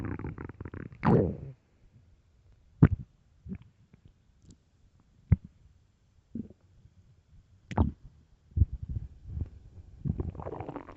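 Deep gurgling growl followed by scattered short pops, squelches and rumbles in a quiet room; ordinary stomach growling from an empty stomach.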